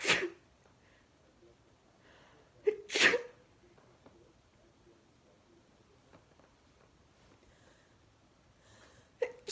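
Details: Sneezing fit of 26 sneezes caught while watching TV: several sharp sneezes, two close together early and one near the end, with quiet breathing between.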